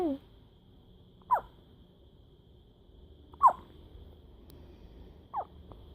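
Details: A newborn baby girl has her first hiccups since birth: three short, sharp voiced catches about two seconds apart against quiet room noise: hiccups.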